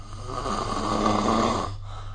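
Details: Snoring recorded with the SnoreLab app: a single loud, rough, rumbling snore on breathing in, with steady low room hum behind it.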